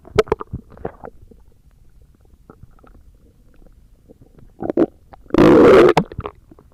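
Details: Stomach growling: gurgling, bubbling rumbles with a louder drawn-out growl near the end; ordinary bowel sounds (borborygmi).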